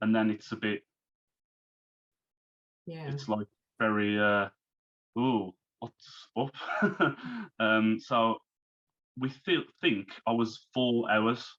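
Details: Man who had a stroke at age 33, about three months earlier, and is recovering while still overcoming speech difficulties; post-stroke aphasia.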